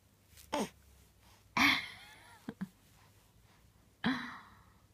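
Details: Infant with hiccups, several brief, abrupt breathy catches spaced irregularly in a quiet room; hiccups.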